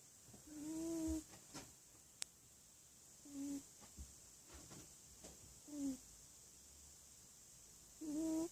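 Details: A sleeping cat snoring softly, about four tonal snores in eight seconds, with quiet room noise between them.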